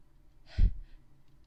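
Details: Woman's sneeze induced by a candle that makes her sneeze: single short burst of air with a hiss and low thump, in a quiet room.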